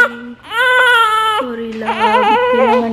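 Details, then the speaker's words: Loud, tonal newborn crying in repeated bursts with quieter whimpers, just after cesarean birth; baby is hungry and flushed, crying because unable to latch on mother's short nipple, nipple shield awaited; ordinary hungry newborn cry. "Tapos na ako kumain kasi si baby Namumula na siya Iyak siya naiyak Kasi hindi siya makalat sa akin dahil short yung nipple"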